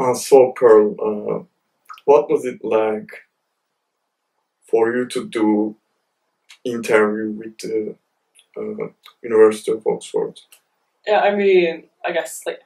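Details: Developmental stuttering (stammer) in an adult male PhD student who describes it as heavy and says he is more fluent with a metronome or when alone.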